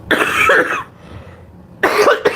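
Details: Two loud, harsh coughs with a short quiet pause, then a smaller third burst, from an adult who says they can hardly breathe and are trying not to cough; cough.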